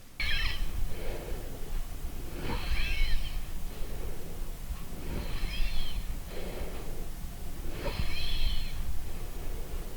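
Breath sounds with repeated high, musical, whistling tones in each cycle, typical of wheezing from narrowed airways.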